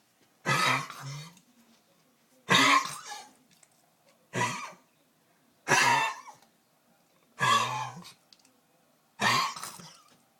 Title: bear cough sunday